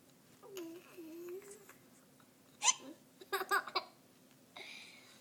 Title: hiccups + giggles